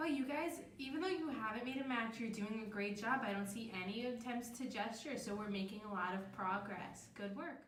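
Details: Adult woman speaking; normal speech.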